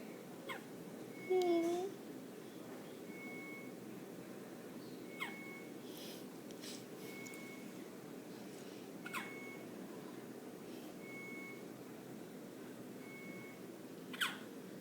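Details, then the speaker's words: Hiccups in a 7-day-old newborn girl, recently increased to 15 cc of breast milk: soft, sharp clicks about every four seconds, roughly 16 a minute, with a faint repeating electronic tone in the background. "Poor baby's got the hiccups. Oh. They're so cute."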